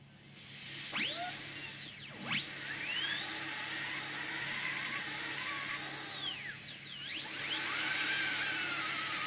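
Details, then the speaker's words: High-pitched dental drill whine rising and falling with brief spin-ups and slowdowns: labial reduction (target 1.2 mm, gingival part first) of an upper left canine on a practice model for a PFM crown, margin about 1 mm above the gingival margin, checked with putty index. "first reduce the gingival part. Then the middle one. You have to be careful not to touch the adjacent teeth, and keep on checking from the putty."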